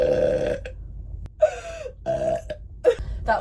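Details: Burping from a girl: several short, voiced burps in quick succession, about five in three seconds, over faint room noise.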